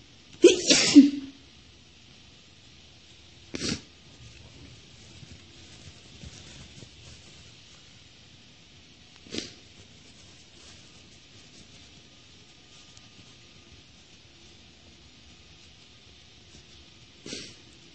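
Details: Sneezing from a female: one loud sneeze, then three softer, spaced sneezes over several seconds in a quiet room.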